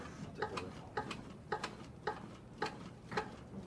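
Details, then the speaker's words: In a fire department CPR demonstration on a mannequin, regular sharp metronome beeps set at about 110 a minute, within the 100–120 range, pace chest compressions while AED pads are applied: CPR metronome. "we have a metronome that's a beat of 100 to 120 hours is set at about 110 and started to apply the pads continued our CPR without disruption"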